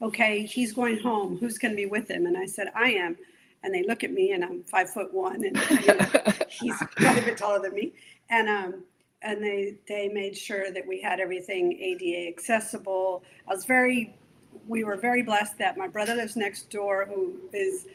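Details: Adult woman speaking; normal speech.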